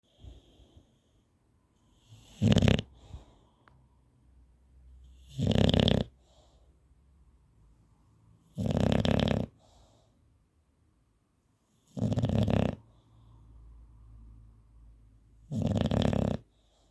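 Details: A bulldog snoring heavily during sleep: five loud, rasping snorts about 3–4 seconds apart with quiet breathing between.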